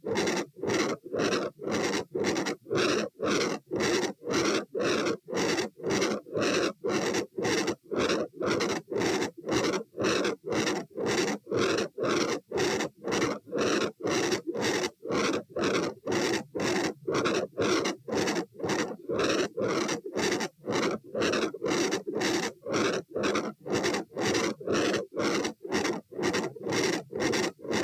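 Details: Heart sounds at position A (aortic area), recorded standing and sitting at 120 bpm: a fast regular beat with a loud, harsh murmur filling each cycle.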